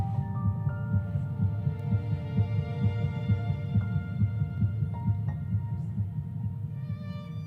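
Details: Fast, steady whooshing pulses, about 130 a minute, over soft music, played in a pro-life talk describing embryonic development: a fetal heartbeat.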